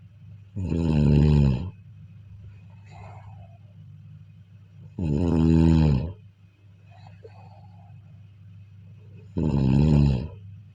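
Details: Heavy, vibrating snores on each in-breath, about 14 a minute, with quiet out-breaths between and a faint steady hum behind, recorded during sleep: snoring.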